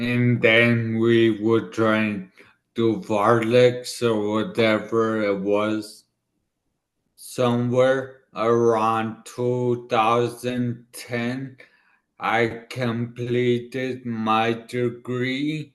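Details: 40-year-old man, former elite runner, with dysarthria from an ischemic stroke about two years earlier in the right brain, affecting his left side and part of his tongue and mouth; he had to relearn speaking.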